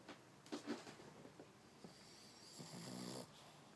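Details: Snoring: a sleeping male dog that snores like a human gives rough, rattling snores on sleep breaths, two or three over a few seconds in a quiet room.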